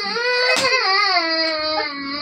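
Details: Child receiving an intramuscular injection in the lower back/hip area: loud, sustained, wailing cry with a brief catch partway through; crying during the injection.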